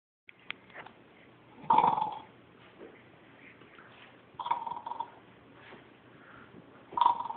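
Three rough, fluttering snores on inhalation roughly every two to three seconds in a quiet room; ordinary snoring.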